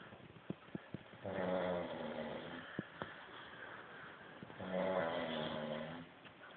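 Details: Ordinary snoring: two long, rattling, low snores on in-breaths about three seconds apart, with a few faint clicks between them.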